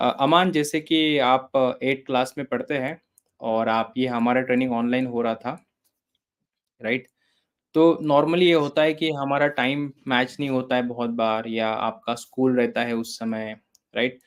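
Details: Adult male speaker, interviewer; ordinary speech.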